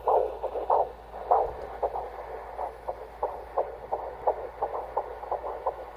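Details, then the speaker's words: Rapid, rhythmic whooshing fetal heartbeat on ultrasound at the first early-pregnancy appointment; baby reported healthy; normal fetal heartbeat. "the end of the video, is our first appointment where we got to see the baby and hear the baby's heartbeat as well."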